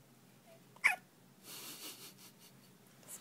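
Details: Infant hiccuping: one sharp, abrupt hiccup against quiet room noise, then soft breathy sounds.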